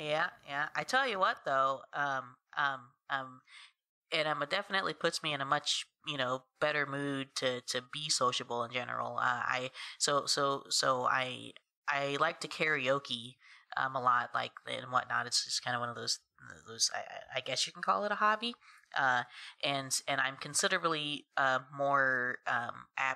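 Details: Adult woman who has stuttered since about age three, first noticed after moving in with her aunt and cousin; stuttering.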